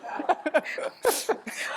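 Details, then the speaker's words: Run of short, sharp coughs with one harsher, breathier burst from an adult woman with advanced cancer, not contagious. "But, you know when you're on a plane and you start coughing, and you go, oh, don't worry it's not contagious."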